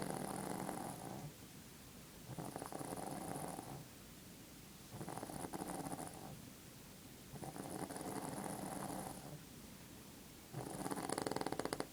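Rough, rattling snores in repeated bursts with quieter pauses between, about 12 breaths a minute, over steady room noise.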